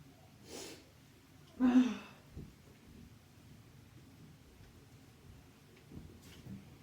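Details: Self-induced sneezing by tickling the nose with a twisted tissue: a soft breathy intake, then one loud explosive sneeze and sniffing, in a quiet room; part of three sneezes in under a minute.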